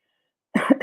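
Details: Adult cough during a livestream; the speaker notes their voice is still affected after a sudden illness over the last 24 hours with body aches.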